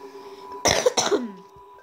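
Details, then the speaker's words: Adult who says they have a really bad cough: two sharp, harsh coughs in quick succession over low background game music; cough. "Sorry, I have a really bad cough, guys."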